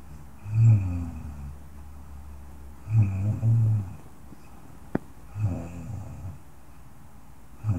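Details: Soft snoring from a woman: low, fluttering snores on the in-breath about every two and a half seconds, with quiet pauses between.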